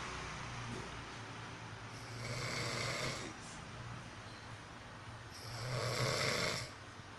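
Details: Person exhausted after coming home from work, snoring in sleep: loud, rough, rattling snores with each breath, about 18 a minute, with a whistling, lovebird-like edge.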